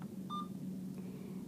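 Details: Alaris IV infusion pump during setup (patient ID confirmed, channel A selected): one short, high key-press beep over a quiet room hum.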